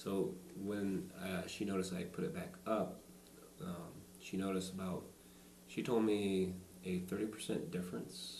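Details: Stuttering in an adult man, shown in a demonstration of the SingRite device; he reports bigger words are more troublesome than single-syllable ones.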